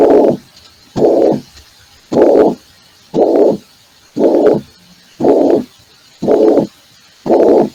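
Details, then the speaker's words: Mitral regurgitation heard in an internal medicine valvular disease lecture: regular rhythm near 58 a minute, each beat carrying a long blowing systolic murmur. "ahora van a ver lo que es insuficiencia de se escucha bien no es un soo de tipo sistólico"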